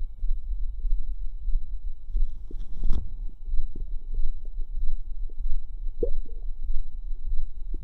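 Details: Low, irregular stomach gurgles and bubbling pops with a louder squelch midway; active bowel sounds (borborygmi).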